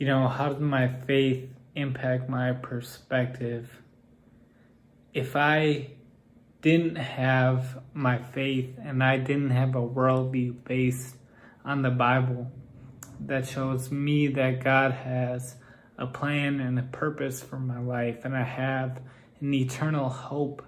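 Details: Man with Friedreich's ataxia whose speech has become progressively more impaired, so listeners assume he is drunk or on drugs; ataxic dysarthria.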